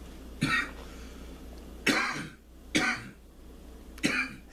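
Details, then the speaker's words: Four harsh single coughs within a few seconds over low room hum: an irritant cough after inhaling smoke from herb burned in a cup, done as a ritual cleansing cough to purify mucus. "we burn the holy herb in the cup of the bibler and the cough is the purify the mucus from the holy body"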